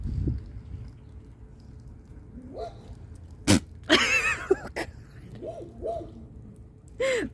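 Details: Goat sneezes on a person giving it scratches: an abrupt, explosive sneeze-like snort, followed by bleating calls and a human voice.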